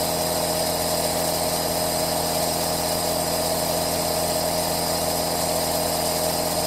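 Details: Aerosol nebulizer played as relaxing white noise: loud, steady mechanical buzzing hum with a rough hiss, unchanging throughout: a nebulizer compressor running.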